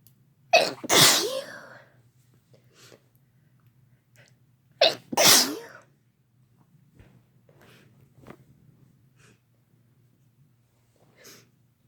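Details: Two loud sneezes (labelled F+M), each with a quick inhaled lead-in and a forceful burst, then quiet breaths; ordinary sneezing.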